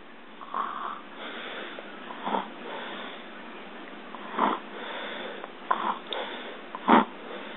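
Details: Imitated snoring, a person pretending to sleep.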